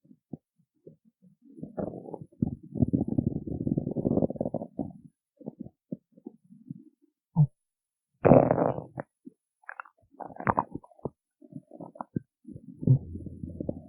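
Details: Long, low, irregular rumbling and gurgling with brief squeaks from the empty stomach of a woman who skipped breakfast; hunger growling.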